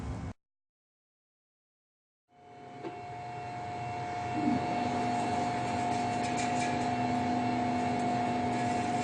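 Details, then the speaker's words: After brief silence, a steady high machine whine rises and holds: a CEREC dental milling unit cutting a ceramic block for an onlay restoration on tooth 14, replacing a decayed, fractured amalgam. "at which point the milling instrument will prepare itself to receive the block of ceramic and then we can simply hit start either from the screen or from the milling unit itself in order to begin the milling"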